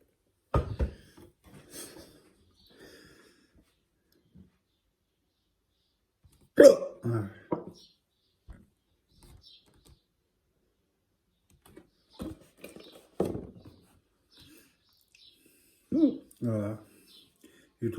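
Repeated abrupt, short voiced gulps at irregular intervals, about eight in eighteen seconds, in a quiet room; hiccups.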